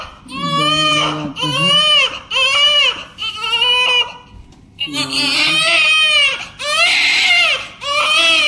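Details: Loud, rhythmic crying in repeated bursts with brief gasps between, from a 4.3 kg newborn just after birth in hospital; the caregiver says the baby is hungry.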